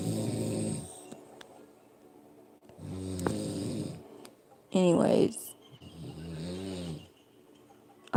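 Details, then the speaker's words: An adult man (husband) snoring heavily in sleep: loud, rattling snores about every three seconds with quiet gaps and faint room noise. "I'm gonna let him listen to this tomorrow like do you know you was just snoring as all loud as outdoors"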